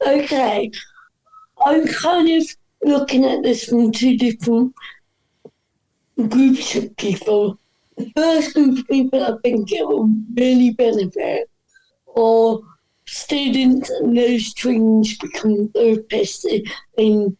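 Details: Dysarthria in a woman whose voice is affected by cerebral palsy.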